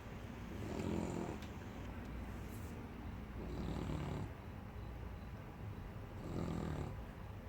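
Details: 12-week-old sleeping puppy: low, rumbling snores, about 22 a minute and loud for its size, over steady room noise: snoring.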